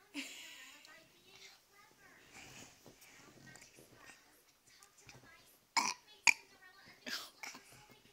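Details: 2-year-old girl burping on demand when asked by an adult; a few short, throaty burps amid child's and adult voices; ordinary belching.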